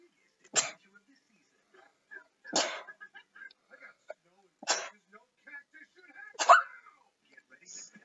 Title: more sneezing